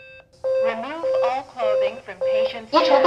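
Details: AED voice prompts and alert tones during a CPR+AED demonstration: synthetic voice prompts with a steady alert tone sounding through them.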